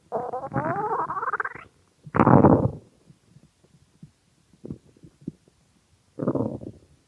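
Loud rising growls and gurgling rumbles with soft pops between; hunger stomach growling, a normal bowel sound.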